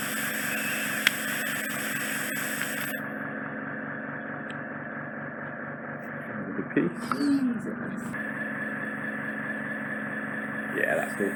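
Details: Microsuction clearing remaining wax after a large impacted plug was removed from the isthmus of a woman's ear canal, eardrum slightly tender: steady loud suction hiss with scraping and slurping changes.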